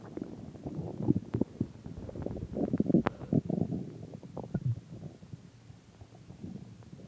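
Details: Person's own stomach growling: low gurgling, bubbling rumbles from the belly; ordinary borborygmi.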